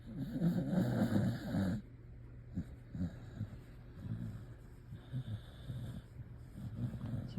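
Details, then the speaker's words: Female dog deeply asleep after a thunderstorm, possibly dreaming: a loud, low rumbling snore, then softer irregular snuffling breaths; snoring. "She's snoring. She must be running or something in her sleep."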